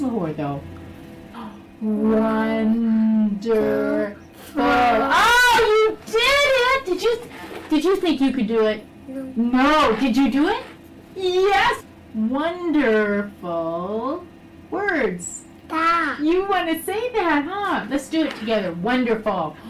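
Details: Adult speaker, child-directed; typical speech.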